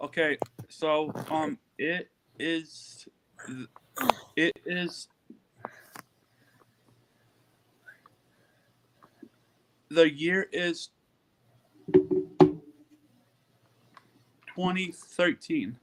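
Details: Podcast guest practicing reading aloud to improve her stuttering and speech; long pauses, "um" fillers and repeated words; stuttering.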